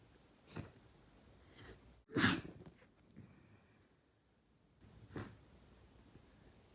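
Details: Eight sneezes in a quiet room: a few soft sneezes and one loud, explosive sneeze.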